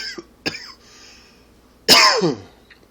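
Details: Adult harsh, throaty cough attributed to allergy or smoking: three coughs, the last loudest and longest, consistent with an irritated smoker's or allergy cough.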